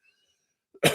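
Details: A single abrupt, forceful adult cough breaks a quiet moment, cut off at the end; faint thin high tones earlier, and the speaker mentions wheezing that day. Finding: cough.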